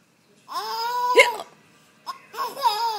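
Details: Two short voiced hiccups, each a sharp catch followed by a brief vocal tone, while people laugh and urge more; ordinary hiccups.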